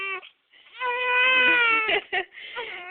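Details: Infant upset by hiccups while trying to sleep gives a sustained, high-pitched wailing cry broken by brief catches and short sobs; infant crying.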